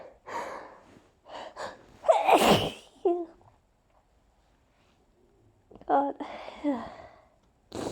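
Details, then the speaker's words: Hay fever for days, intense nasal tickle: hitching breaths build into a loud sneeze, then a second sneeze after a pause; repeated allergic sneezing. "oh they're taking so long to come out today as well the tickle is just so intense uh i was supposed to go shopping but i need to wait for this to stop first obviously so while i'm waiting i hit record sneeze i think there's more"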